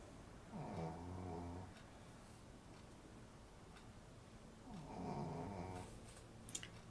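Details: Sleeping dog snoring: two long, rumbling snores about four seconds apart, with quiet room noise in between; ordinary snoring.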